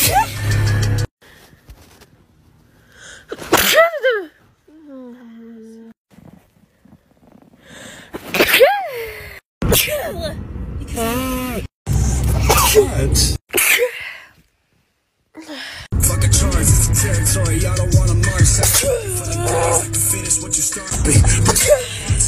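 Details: Compilation of one person's sneezes: sharp, explosive sneezes, some with a high squeaky onset, separated by pauses, with background music and brief talk.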